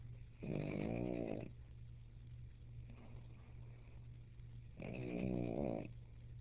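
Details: A sleeping pug snores in loud, buzzing bursts on each inward breath, with quiet breathing between.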